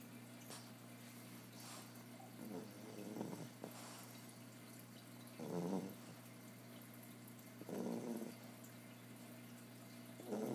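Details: Snoring loud after a hard day of playing: soft, rough snoring breaths every few seconds over a steady background hum, from a sleeping animal.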